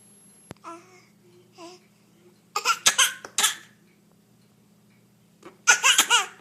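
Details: A child with a cough described as terrible: soft vocal whimpers, then two fits of three or four harsh, rapid bursts with voiced, laugh-like edges: cough.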